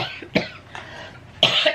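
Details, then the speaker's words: Adult woman who says she has come down with a cold: a few short coughs, the last louder and longer, against light room noise; she says she is not ill, just coughing and cold. "excuse me i'm not ill i'm not ill i'm just coughing and cold"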